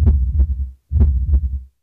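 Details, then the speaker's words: Heartbeat of a hospice patient with ALS, recorded with an electronic stethoscope by a music therapist for a family tribute; two clear low lub-dub beats, normal heart sounds. "A new service by Avera Health is giving those family members a lasting piece of their loved one through a heartbeat recording program."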